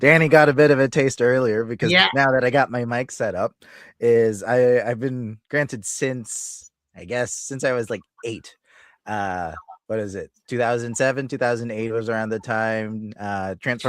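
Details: Adult male speaker; normal voice.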